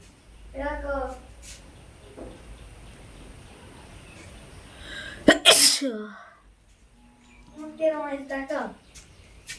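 A single loud, explosive sneeze, preceded by a drawn-out voiced build-up and followed by brief vocal sounds.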